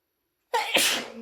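A single forceful sneeze: a short indrawn 'ah' followed by an explosive hissing burst.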